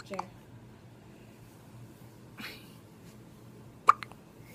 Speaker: The hiccups. You got the hiccups. Yes, you do. You got the hiccups.